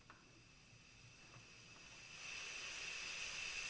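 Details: Boussignac CPAP valve with mask, filter and manometer on a training mannequin with simulated lung, set up for patients with contagious respiratory infections: a steady high-pitched gas-flow hiss that grows louder as flow is increased.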